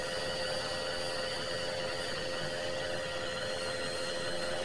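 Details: Steady, unbroken hiss with faint mechanical hum and thin whining tones from an aerosol nebulizer running off an oxygen cylinder, recorded as 26-minute white noise: nebulizer running.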